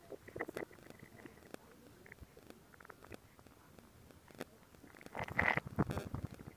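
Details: Stomach growling (borborygmi).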